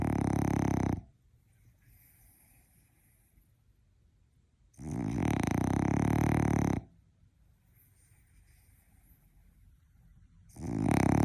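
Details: Loud, long, rattling snores on each breath, about ten a minute, with silent pauses between, from a napping French Bulldog (flat-faced breed).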